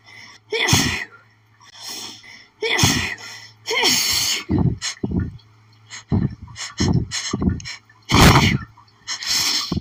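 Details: Pollen allergy after sniffing lilies, repeated intense fits: rapid sneezing fit.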